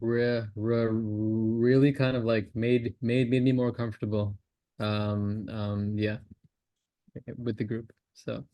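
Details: Male participant in a stammering practice group who has disclosed that he stammers and uses voluntary stammering. Finding: stuttering.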